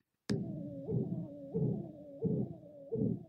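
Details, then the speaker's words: Stethoscope over an abnormal hemodialysis arteriovenous access: short, pulsed whooshing bursts about 88 a minute with quieter gaps, not continuous; an abnormal bruit warranting referral to nephrology/interventionist. "And that is in contrast to an AV axis that is abnormal."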